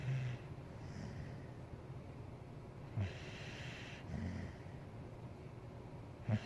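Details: White Boxer dog sleeping on the couch: low rumbling snorts and noisy breaths recur through quiet room noise, snoring.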